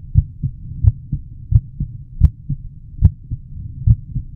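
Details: Normal heart sounds in a healthy adult: a steady lub-dub at about 80 beats a minute, with clean, high-pitched first (S1, mitral and tricuspid closure) and second (S2, aortic and pulmonary closure) heart sounds.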